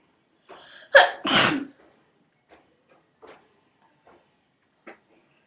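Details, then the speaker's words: Sneezing fit in a person who says they have been sneezing a lot in flu season: breathy intake, then two loud sneeze bursts followed by quiet breaths. "I know. I think I'm done. Oh my god, that was like 4 sneezes."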